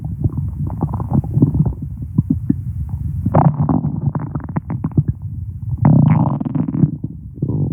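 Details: Low gurgling and rumbling abdominal sounds with irregular bubbling bursts: ordinary bowel sounds, stomach growling (borborygmi).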